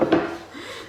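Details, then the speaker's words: Person cracking their back by lying over a counter edge, bending and snapping: a single sharp, dry crack with quick fade; joint cavitation (back crack). "always i crack my back bend and snap"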